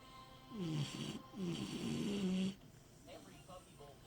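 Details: Sleeping dog snoring: two long rumbling, snorting breaths, then quieter breathing with slight background noise.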